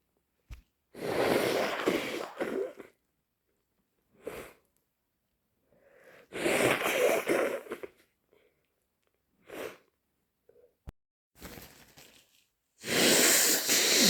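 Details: Person with a cold, still stuffy with an itchy nose: several loud, wet sneezes with sniffles and nose blowing between them; the first sneeze was natural, the others induced.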